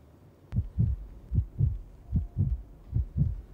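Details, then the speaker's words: Simulated fetal heart sounds in a Thai TV drama scene: regular soft whooshing double beats on Doppler, about 75 per minute as heard, from a woman found to be 28 weeks (7 months) pregnant. "Fatal Heart Sound มีเสียงหัวใจเต้นอยู่ในท้องพี่"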